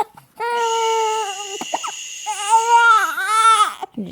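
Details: Infant boy crying in his chair on a cranky day, upset by recurring hiccups, with excessive drooling, possibly starting teething: two long, sustained, tonal wails with a brief pause between.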